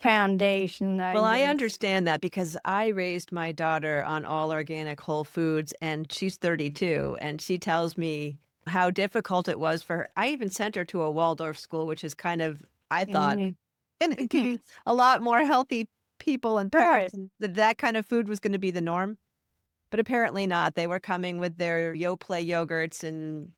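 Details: Adult woman; typical speech.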